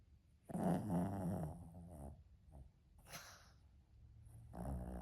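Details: Sleeping dog giving low, rattling, buzzing breaths in bursts, with quieter airy sounds between; snoring.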